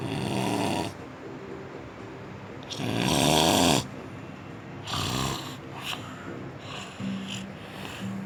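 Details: Person snoring in a hotel bed in the mountains: loud, irregular snorting snores with bursts of varying length, against a busy room background.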